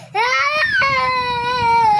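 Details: Young child, one of twins, crying after quarreling with mommy: loud wailing cry rising then slowly falling in pitch.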